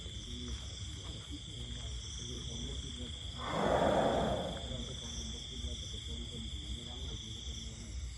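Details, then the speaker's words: A sleeping bull elephant in Thailand, described as a white elephant, snores: a single deep, rough snoring breath, with steady insect chirping outdoors. "และนี่ก็คือเสียงนอนกรนของพ่อภัยเอกชัยที่ผมนำมาฝากท่านผู้ชมในวันนี้"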